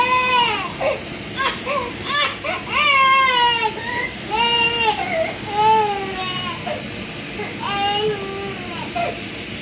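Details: A 4-month-old baby cries in repeated drawn-out wails separated by short breaths, with steady background hiss, while left to cry it out during sleep training at bedtime. He had had vaccinations the day before, followed by irritability and a slight fever.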